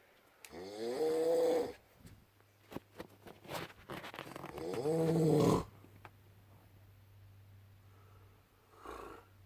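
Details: Loud snoring from a sleeping adult man (husband): two loud, rattling in-breath snores about four seconds apart, with quiet breathing between and a steady low room hum.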